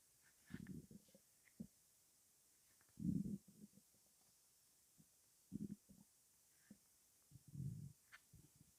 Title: Stomach rumbling (headphones advisable )